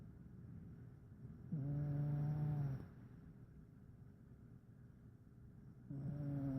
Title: Ice Cat Snoring